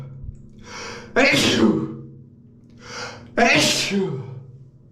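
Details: Two sneezes triggered by shaving foam during a morning routine, each a sharp inward gasp followed by a loud explosive burst of air.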